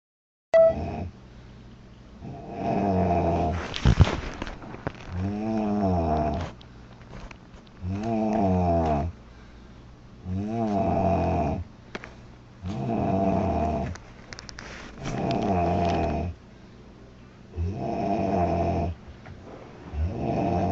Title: Loud girl snoring July 03 2017